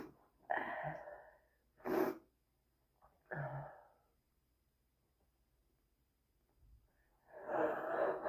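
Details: Four harsh, wheezy adult coughing bursts with pauses between; a bad smoker's cough.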